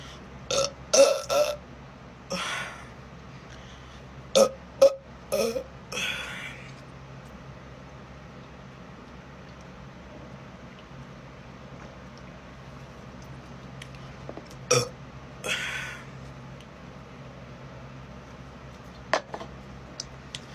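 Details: Woman burping deliberately by sucking air into her belly: several loud, gurgling belches in short clusters with quiet gaps, over faint room noise; repeated voluntary burping.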